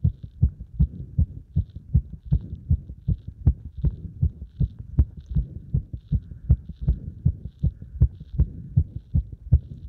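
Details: Cardiac arrhythmia heard with the chest pressed, during squats: rapid, low heartbeats of roughly 150 per minute with uneven spacing and varying loudness, fitting an irregular rhythm.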